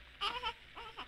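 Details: Infant crying: short, high-pitched, fussy crying bursts, heard as a brief cry.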